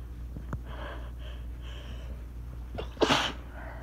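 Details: Small sneezing fit on a rainy, stormy day, recorded on a phone: breathy intakes build to one sharp, explosive sneeze near the end over a steady low room hum. The person was already tickly beforehand.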